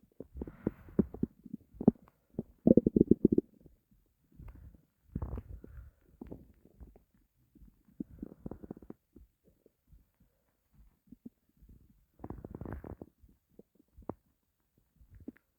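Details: Stomach growling (borborygmi) from hunger after a long time without eating: low, irregular gurgling rumbles and bubbling in a quiet room.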